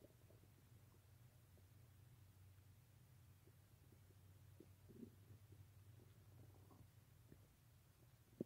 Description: Once again I over indulged in too much cheesy food, resulting in a rather painful stomach ache and lots of rancid gas.